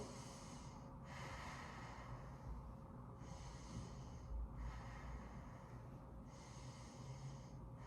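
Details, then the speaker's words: Stethoscope auscultation starting on the right side of the chest during a physical exam, patient breathing deeply: slow deep breaths, about four cycles in eight seconds, smooth airflow without wheeze or crackles; clear, normal breath sounds. "Okay, your lungs sound clear. There was no blockages, and I didn't appreciate any abnormal breathing."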